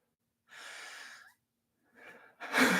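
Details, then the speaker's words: Mild asthmatic wheezing in a person with asthma after standing up and moving: noisy breaths with a faint whistling tone rising at the end of a breath, then a sharp gasp. "oh my God my asthma or asthma I'm literally wheezing jeez"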